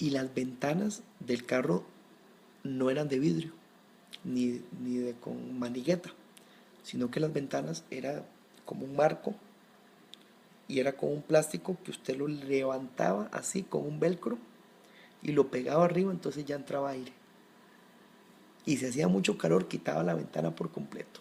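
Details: Adult man who has stuttered since early childhood, severity varying with situation, getting stuck on some words; fluent speech takes him concentration and relaxation; stuttering, Spanish speech.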